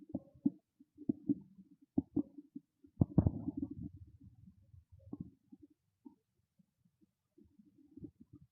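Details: Loud hungry stomach growling: low gurgling and rumbling bursts from an empty stomach, ordinary hunger borborygmi.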